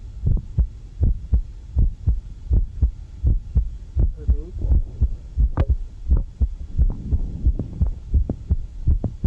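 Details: Regular heartbeat around 80 a minute with a crisp extra mid-systolic click whose timing shifts as the patient alternates into and out of a squat, with background music; mid-systolic click.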